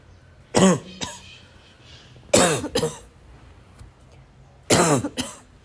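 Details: Person who cannot stop coughing: three bursts of coughing with throat clearing in a quiet room; persistent cough.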